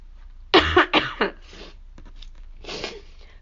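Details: Person who is sick and losing their voice, with throat irritation while trying to provoke sneezing: a quick run of four harsh coughs, then a softer throat-clearing cough.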